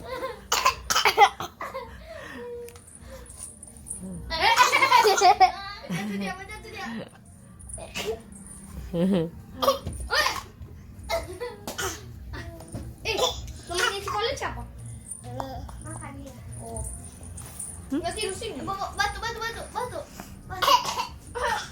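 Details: A young child coughs in short bursts during nebulizer treatment, mixed with laughter and chatter over a faint steady hiss: cough.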